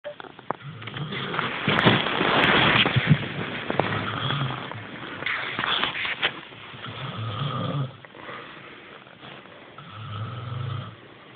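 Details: Adult snoring: low, rumbling snores recurring every few seconds over a steady background hiss.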